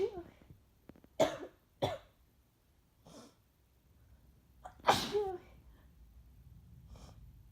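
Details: Two sharp sneezes with breathy lead-ins and quieter sniffs between, from a congested adult about a week into flu, feeling worse with a sore throat after drinking the night before.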